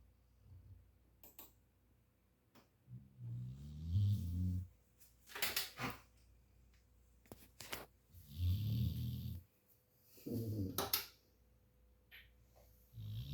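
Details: A sleeping pet dog snores in low, rumbling bursts, about three in thirteen seconds, with breathy exhales between.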